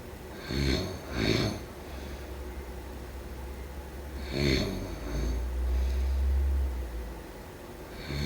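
Rough, fluttering snores in short bursts alternating with quieter breaths, against low steady room hum; typical snoring.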